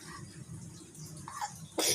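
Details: Child coughing while eating: quiet room noise with a faint vocal sound, then one sudden explosive cough at the very end, cut off early.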